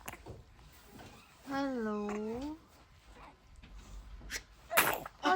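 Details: A 3-month-old baby boy sneezes; he also has a cough.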